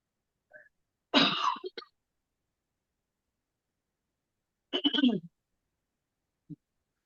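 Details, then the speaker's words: Single dry, hoarse cough with heavy throat clearing, one paroxysm, then a brief second rough burst; a recorded cough played for comparison: dry cough with throat clearing. "So definitely quite a big throat clearing in that one, isn't there? And quite dry."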